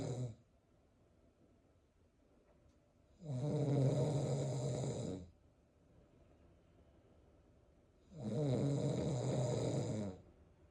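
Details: Father's snoring, with the mother 36 weeks pregnant with twins, who move vigorously in response: loud, deep, rattling adult snores of about two seconds each, roughly 12 breaths a minute, with quiet pauses.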